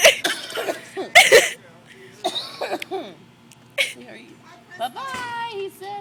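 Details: A young child imitates an adult's cough with several forced, breathy, cough-like bursts.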